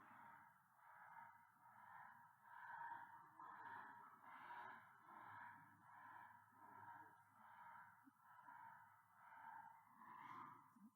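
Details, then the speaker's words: Awake brachycephalic dog with suspected BOAS during respiratory function grading: regular, coarse snoring noise with each breath; stertor, typically from the soft palate or nasopharynx. "So we based our clinical functional test on the respiratory noise. Okay. So the noise these dogs were making. This is stura."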